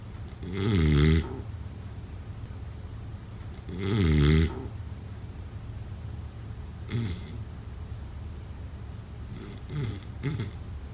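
Deep rumbling snores about three seconds apart, then softer, shorter snorts as the breathing quietens; roughly 18 sounds a minute.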